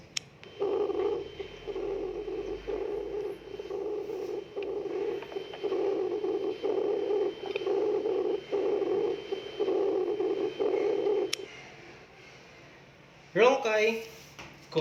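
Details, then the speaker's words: Rhonchi: continuous low-pitched, snore-like rattling lung sounds repeating through the breaths, attributed to secretions in the large airways. "it composed of rhonchi rocaille is a snore like low pitch sounds and it sounds like this"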